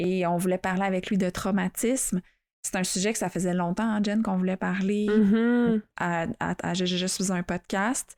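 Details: Adult who stutters, speaking French, real stuttering; reports still experiencing moments of dissociation while stuttering. Finding: stuttering.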